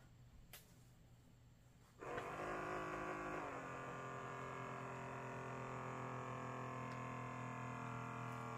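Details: Galaxy Watch 6 Classic blood pressure calibration, third measurement, watch snug on left wrist, sitting still: quiet room, then a click and steady buzzing pump hum as a medical-grade upper-arm automatic blood pressure cuff inflates.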